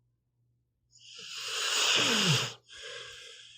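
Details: Pitbull snoring while asleep: one long, noisy, rasping breath with a brief low flutter, then a softer hissing breath out.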